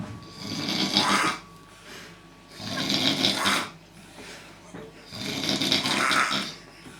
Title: snoring talent